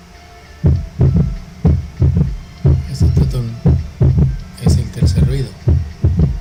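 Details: Third heart sound (S3).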